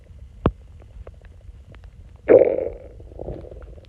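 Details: Stomach growl: a quiet click, then a low gurgling growl lasting about a second before fading; ordinary bowel sounds of a hungry stomach.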